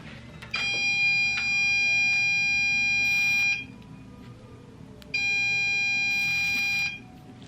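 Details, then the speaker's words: Electrocautery after local anesthetic, during a dermatology biopsy removing a skin tag and spots on the face before the patient starts chemo: two steady, high-pitched electronic tones of about three and two seconds; cautery unit beeping. "now I'm going to cauterize because they bleed a little bit so you're going to hear the machine beep okay"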